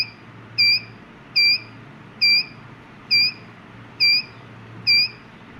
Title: Heartbeat detector circuit by using lm358 op amp based ic.